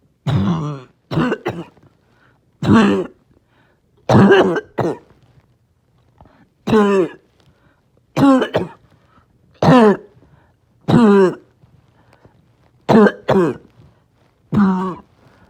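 About ten harsh, hoarse, barking coughs, some paired, separated by pauses: a barking cough.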